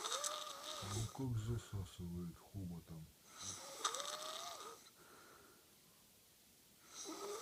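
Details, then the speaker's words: A wife recorded at 3 a.m. as proof, since she does not believe she snores: a loud rattling snore with a fluttering, vibrating quality, then a whistling breath, in a quiet room. Snoring. "в качестве доказательств хочу заснять вам хрюкающие животное время 3:00 ночи это жаба в своём болоте исполняет Лунную сонату"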